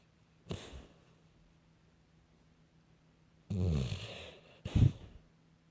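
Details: Sleeping female puppy running in her dreams gives a few soft snorting snores and muffled huffs over quiet room hum; snoring.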